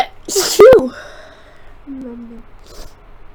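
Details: Single forceful sneeze with a sharp intake and explosive burst, then a brief voiced sound, from a person with a cold, sick for several days; computer fan hum in the background.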